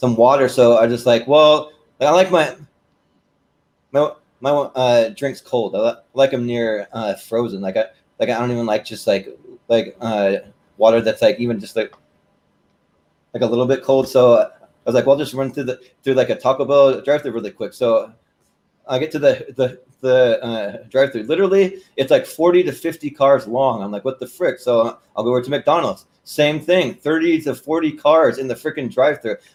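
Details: Male podcast host with a stutter present since birth that he says is heard intermittently and occurs when he talks fast; stuttering.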